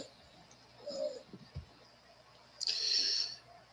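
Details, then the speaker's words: Two-year-old boy with massive bronchial obstruction unresponsive to inhaled salbutamol, ipratropium and rectal prednisone: faint, high-pitched whistling breaths, wheezing audible without auscultation. "a two-year old child came to our clinic with a massive [Music] bronchial abstraction and pronounced vising his mother has inhaled the child several times his sadhu tamil ipratropium gave him rectally prednisone but without success you can hear the vision without auscultation"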